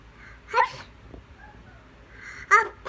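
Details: A 19-month-old toddler's fake sneeze on request: two short, breathy vocal bursts about two seconds apart in a quiet room, pretend rather than reflex sneezes.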